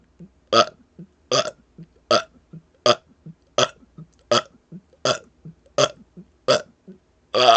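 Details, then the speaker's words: Deliberate repeated belching in a one-minute burp challenge, 83 burps in total: loud, rapid burps about every 0.75 seconds with small throat sounds between them; burping. "those last two did not count they happened after it they happened at a minute and one in a minute in two seconds but everything other than those last two burps that is how many burps i can get out in one minute"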